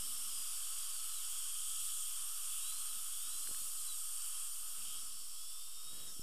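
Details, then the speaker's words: Continuous high-pitched dental drill whine with hiss during cutting preparation on the lingual aspect of teeth 8 and 9, before bonding the weak tooth 9, which has bone loss, to tooth 8. "now we are cut prepping right into"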